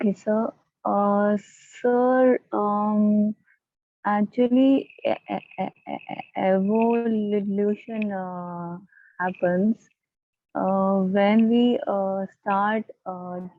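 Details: Adult female stammering-group participant with repeated fillers and blocks; stuttering.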